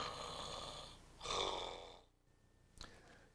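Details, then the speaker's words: Snoring linked to sleep apnea: after a quiet pause in the snoring, a sudden loud snort and gasp for air as the blocked airway reopens. "Have you ever noticed when someone who was snoring becomes unusually quiet for a period of time and then all of a sudden they snort and gasp loudly for air?"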